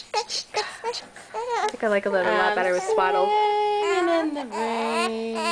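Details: Newborn girl crying in short fussy bursts that build into longer sustained wails while an adult softly soothes her ("don't cry, it's ok") in a small room in Michigan; mother says she is not yet good at breastfeeding.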